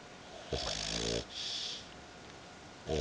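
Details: Female dog asleep on owner's belly: a rattling, buzzing inhaled snore followed by a soft hissing exhale, then the next snore starting; snoring.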